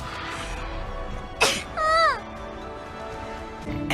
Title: HOLY SNEEZE DAY